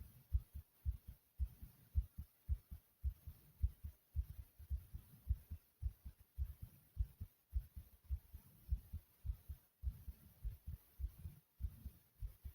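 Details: Recording of a person's own heartbeat, tagged as fast: steady, low, muffled thumps at roughly 105 a minute with a faint hiss behind them.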